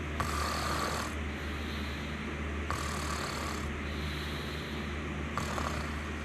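Soft, steady snoring breaths at about one every two and a half seconds, with a constant background hum.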